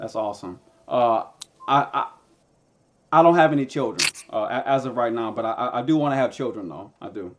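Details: Man who stutters and uses a SpeechEasy device; stuttering.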